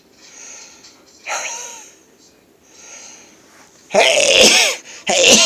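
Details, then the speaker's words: Adult self-described chronic sneezer who denies real allergies, sneezing on waking in the morning: quiet sniffing build-ups, then two loud, explosive sneezes in quick succession. "what it is actually is it's while i'm sleeping it's taking in things in the air online and i think i don't know i don't really have allergies hey i'm just a chronic sneezer"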